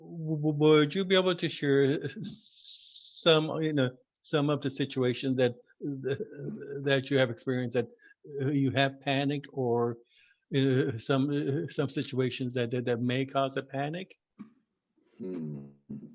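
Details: Adult man who stutters, formerly a covert stutterer, with repetitions and interjections; stuttering.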